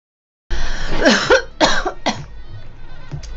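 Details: A girl gives three harsh, voiced coughs in quick succession, then quieter breathing and rustling; a short coughing fit.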